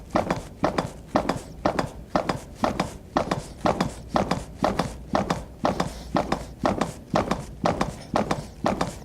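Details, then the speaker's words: Chest compressions at about 120 per minute on a CPR training manikin, rescuer kneeling with shoulders over hands, compressing about two inches, during five cycles of CPR after a trainer AED delivered one shock. "so I will come over here and I will do CPR for two minutes"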